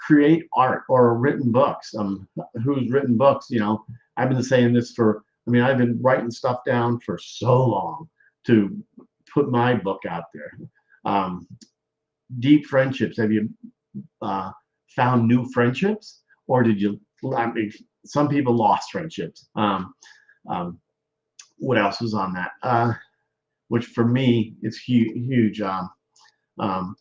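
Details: Adult man speaking; aphasia after stroke.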